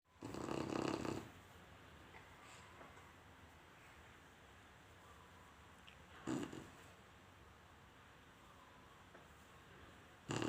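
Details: Chinese Shar-Pei dog snoring while asleep: three separate snorting, rumbling breath noises over ten seconds with quiet room noise between them.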